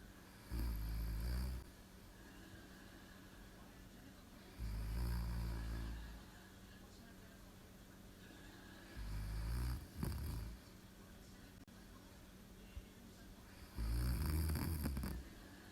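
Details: Live-streamed sleeping recording: deep, rumbling inspiratory snores, four in about sixteen seconds (roughly 14 breaths a minute), with quiet pauses between; snoring.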